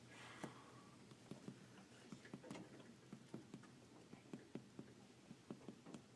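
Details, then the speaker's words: Physical exam chest percussion assessing diaphragmatic excursion: with deep breath in and held, the diaphragm goes low; on breathing out it comes up. "so you can do two ways if you know you're taking a deep breath in the diaphragm should go low so she's here almost sounds lower when they breathe out the diaphragm comes up"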